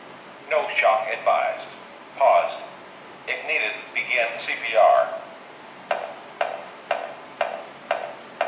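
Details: Spoken voice prompts, then a run of regular short beeps from a Mindray BeneHeart D6 defibrillator in AED mode, with disposable pads placed at the apex and sternum; AED voice prompts and beeps.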